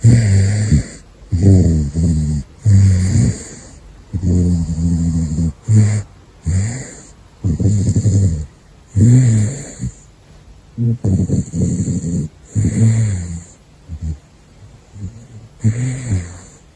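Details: Gosha, a caracal (Big Floppa), snoring while asleep: repeated low, rough, rattling breaths in a steady rhythm, loud bursts with pauses between.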